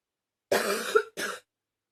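Two harsh, noisy cough bursts, the first long and strained, the second shorter. Plain coughing.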